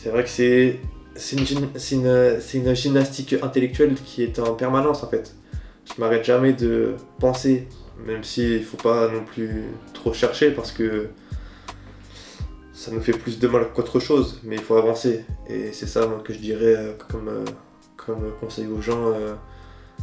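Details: Stuttering in an adult man who says it is very choppy and blocked when speaking to others, and much smoother when he is alone.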